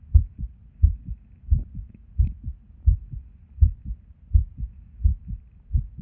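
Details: Resting heart recorded at Erb's point while sitting at a desk, heart often skippy with and without reason: paired heart sounds near 85 a minute with uneven spacing between some beats; irregular heartbeat with skipped beats.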